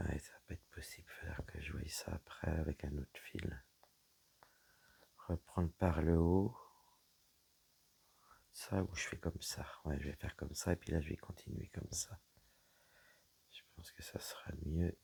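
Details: Woman whose vocal cords were damaged by a serious health problem; her voice is deeper than before, at times she has little voice, and she cannot speak loudly; low-pitched, weak breathy voice; dysphonia.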